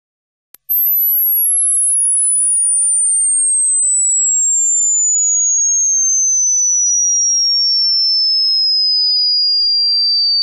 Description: somepeople cant hear the whistleing